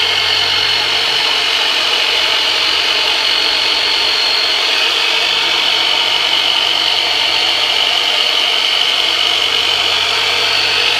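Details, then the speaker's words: Percussive myofascial release with a modified jigsaw on the lumbar region of a US Air Force veteran during chiropractic care: loud, steady, high buzzing motor noise; muscle spasm seen over the area. "that was doing the myofascial release here with terminator which is really just a modified Black & Decker jigsaw right in this Darrell umbar region"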